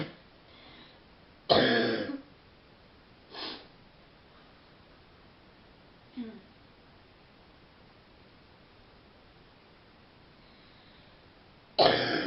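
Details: Young woman with a real, deep, chesty cough, worse at night lying down, throat sore, feeling under the weather: coughing fits that interrupt her phone conversation.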